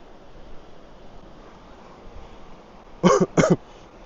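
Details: Two loud coughs outdoors amid wind and background noise, from a man hiking on an island who is troubled by coughing and was given honey and lime for it.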